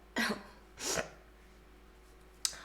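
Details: Young woman during a livestream: two short, soft coughs close together, then a brief click-like sound, over low room noise.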